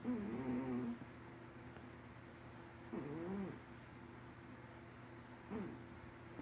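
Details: Ossie snoring: three soft, rough snoring sounds on breaths about every 2.5 seconds, over steady low room hum, in a sleeping animal.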